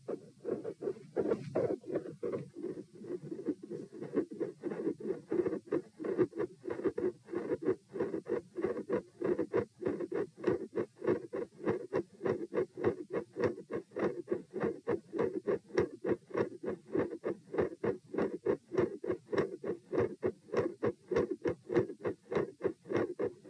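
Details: Heart auscultation at position P through lying, sitting, standing, lying (72 bpm supine, 84 sitting, 108 standing, 72 supine): regular heart sounds with a sharp mid-systolic click and a split S2, rate rising on standing.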